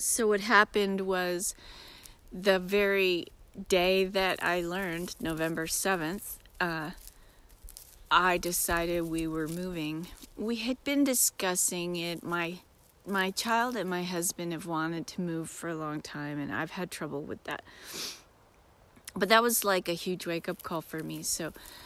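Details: Self-described disabled woman with episodic aphasia occurring several times a day, sometimes briefly, that she says can sound like mocking a foreign-language speaker; aphasia with foreign accent-like speech.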